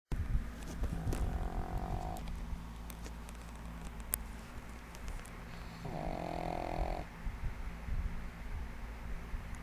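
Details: A 1½-year-old female pug sleeping soundly and snoring loudly: a low rumbling snore with two longer, louder snoring breaths over steady room hum.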